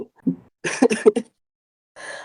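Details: An adult who is getting over a cold gives a quick run of short, harsh coughs or throat-clearing pulses, then a breath in a quiet room: a cough.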